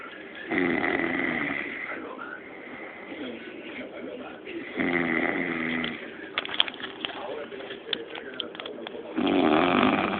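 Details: Loud, rough, buzzing breaths during sleep from a man, roughly every four seconds, with fluttering between them; snoring.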